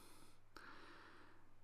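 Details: Endoscopic microsuction of a large, soft ear wax clump softened by the patient's olive oil use: steady low suction hiss with a sudden slurp as a wax plug is drawn into the tube; ear wax microsuction.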